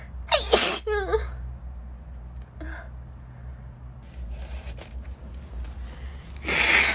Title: Sneezing fit in a Corridor (F)